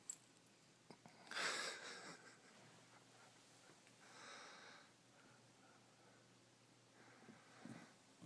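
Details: Dog sleeping while owner watches TV, later wakes: soft, noisy snoring breaths about every three seconds in a quiet room; snoring.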